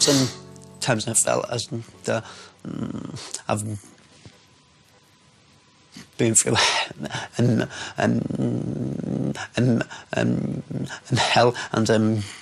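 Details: Adult man with a lifelong severe stammer (stuttering), speaking.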